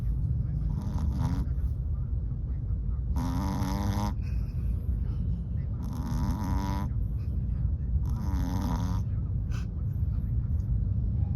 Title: Chihuahua snoring… Mochi in the taxi going home.